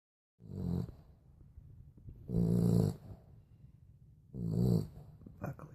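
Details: A sleeping dog gives three loud, low rumbling snores with quieter breathing between them, about 30 a minute; ordinary snoring.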